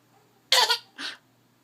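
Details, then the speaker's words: Hiccups, repeated and continuing: two brief sharp breathy bursts in quick succession, each a sudden catch of breath. "he's got hiccups look I heard that one just keep coming what is it hiccups mm-hmm one more"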